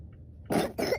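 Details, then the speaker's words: A child deliberately fakes coughing when asked about school, denying being sick: two short, deliberate coughs in quick succession, a voluntary put-on cough. "I cough at you? You cough at me. You're spreading your virus to me."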